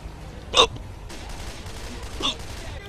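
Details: Nero, someone with hiccups: two brief, abrupt bursts about two seconds apart over room noise, fitting hiccups.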